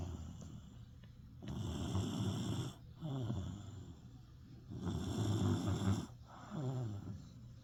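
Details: Snoring: loud, low, rumbling snores on both inhalation and exhalation, about 18 breaths a minute, with harsh fluttering in the louder phases.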